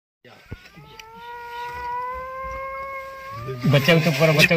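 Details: A single long, high-pitched infant wail that rises slightly, recorded outdoors on a jungle safari in Ranthambhore after a tiger sighting, followed by a burst of noisy outdoor sound.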